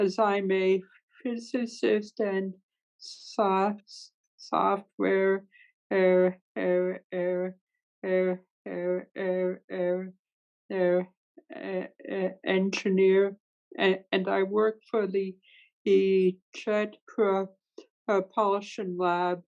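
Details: Adult woman who stutters, speaking in a webinar with sound and part-word repetitions; stuttering.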